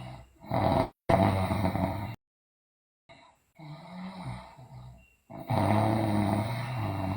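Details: A sleeping girl gives loud, rough, low rattling breaths with brief silent gaps: heavy snoring during sleep, with teeth grinding and delirious sleep noted.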